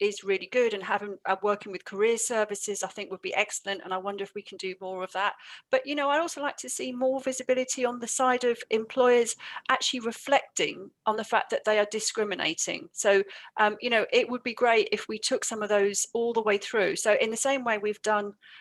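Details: Adult woman speaking; normal speech.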